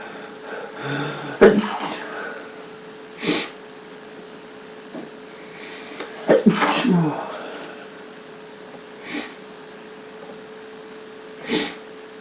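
Two forceful sneezes in quick succession with short breathy sounds between them, against a steady background hum, fitting an allergic sneezing attack.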